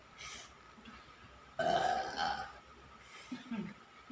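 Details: A woman burps loudly and continuously while massaging: several loud, drawn-out belches in a row, with quieter ones between them.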